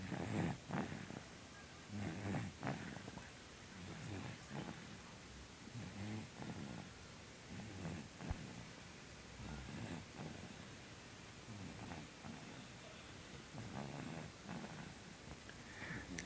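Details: Person sleeping with irregular low rattling snores roughly every two seconds amid some room noise; ordinary snoring.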